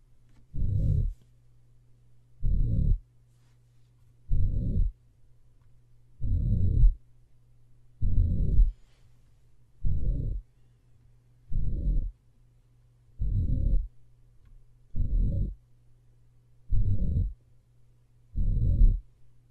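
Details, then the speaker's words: Slowed-playback recording of a mitral regurgitation murmur: long, low, blowing sounds in each beat, a systolic murmur heard with S1. "now this second audio I'm gonna play for you kind of just put it in slow-mo so you can hear it hopefully a little more clearly"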